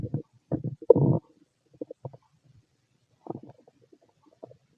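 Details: Fit adult male's stomach growling while digesting: short gurgling rumbles in bursts with quiet gaps; ordinary bowel sounds.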